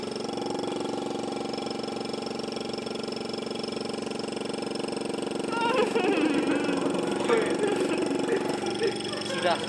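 Steady droning motor hum with a rapid pulsing beat, with faint talk later: a suction machine running.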